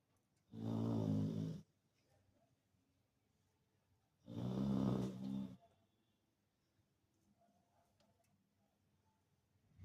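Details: Sleeping Labrador dog: two long, low rattling snores about four seconds apart, with quiet breathing between; snoring.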